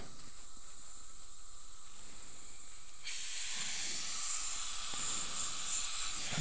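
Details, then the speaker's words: Dental suction during an all-ceramic e.Max crown preparation on a lower right second molar (tooth 31): a steady hiss that grows louder and harsher as excess applied material is lightly suctioned off. "just place it liberally all the way around our tooth I'm gonna lightly suction that off"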